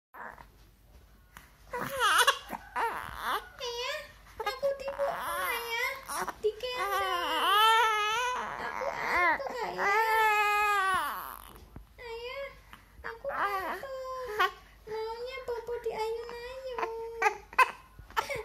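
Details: A newborn baby cries in rising, wavering wails with short pauses, then quiets to softer fussing when talked to; newborn crying.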